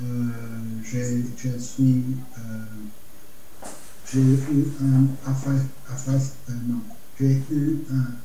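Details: Adult man with Broca's aphasia after stroke, aphasic for a little over a year, who says he speaks very badly; Broca's aphasia.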